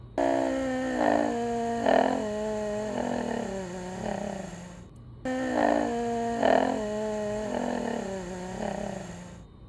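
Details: Left vocal cord weaker than right (weak thyroarytenoid muscle): clear at high pitch, becoming breathy and rough with air leak and double pitch as pitch lowers; breathy, rough voice with diplophonia.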